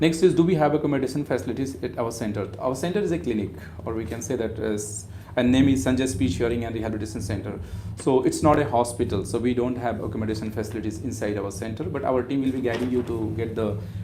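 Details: Adult man speaking; ordinary speech.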